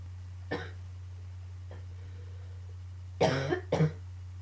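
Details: A coughing fit, combined with allergies: four short cough bursts over about four seconds, the last three close together, against a steady low hum.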